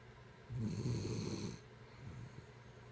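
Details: Dog snoring in sleep: a single deep, rattling snore about one second long, then quiet breathing; snoring.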